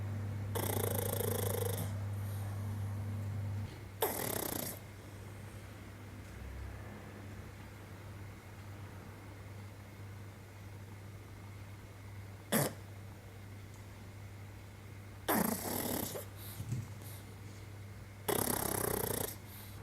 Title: Snoring Pug - Sony a6300 SEL 50mm 1.8